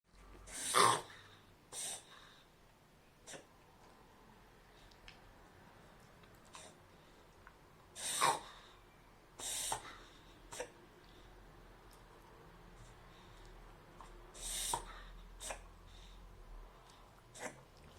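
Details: Dog reverse sneezing, as identified by the vet from the recording: repeated sharp, snorting inward breath bursts with quiet gaps between; reverse sneezing.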